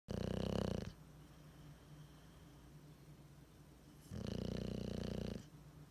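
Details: Bulldog sleeping with tongue out, giving two loud, low, rattling snores about four seconds apart with quiet breathing between: dog snoring.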